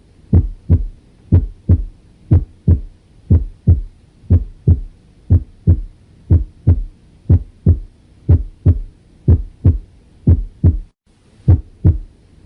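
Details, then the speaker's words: First heart sound (S1), heard with the stethoscope diaphragm, loudest at the mitral and tricuspid areas; steady lub-dub heartbeat at about 60 beats/min with a clear first sound. "escucharemos el primer ruido cardíaco el cual se oculta con el diafragma del estetoscopio y tiene mayor intensidad en el foco mitral y foco tribus vídeo"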